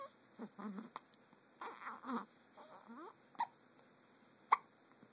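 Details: Hiccups: two sharp, abrupt hiccup-like catches after soft vocal sounds, in a quiet room.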